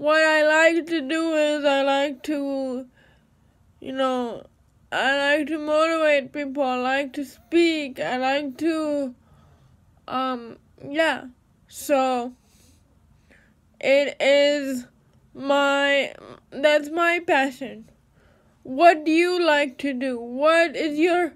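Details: Dysarthric speech in a woman with cerebral palsy.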